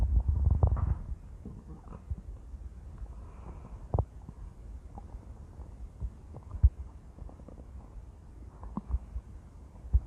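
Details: Intense, loud stomach growling: low gurgling and rumbling with scattered pops, consistent with normal bowel sounds (borborygmi).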